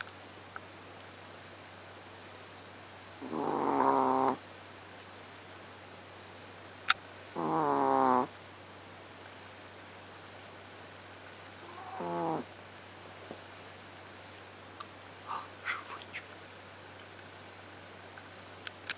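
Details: Sleeping female Chihuahua gives three whistling, squeaky snores, one every few seconds, over a steady low hum: snoring.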